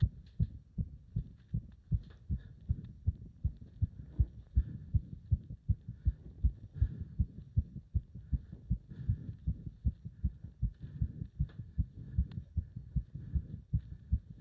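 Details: Heart sounds during leg wrench exercise, pulsation felt up to the subclavian artery: fast, strong, regular pounding heartbeat at roughly 150 to 160 a minute.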